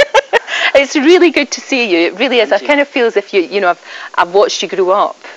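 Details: Adult woman speaking; Normal fluent speech.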